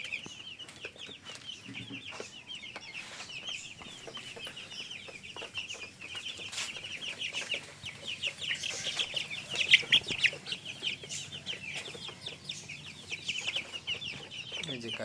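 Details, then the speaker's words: Coughing in 16-day-old broiler chickens that caught a cold after days of heat followed by rain: constant high peeping with scattered short, sharp cough bursts. "এই দুটোর কম্বিনেশনে মুরগিগুলো ঠান্ডা লেগেছে। বেশ কাশি দিচ্ছে।"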